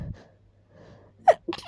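A quick indrawn breath, then a sharp, explosive sneeze with a short vocal follow-up, from an adult with a stuffy nose.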